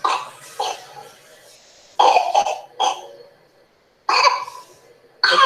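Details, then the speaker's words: Child with pertussis in the paroxysmal phase: repeated harsh coughing bursts, one cough starting before the last ends; whooping cough paroxysm. "então esses acesso eles são mulheres assim uma tosse não termina já começa a outra então vai uma tosse em cima de tosse é uma criança fica realmente agoniado"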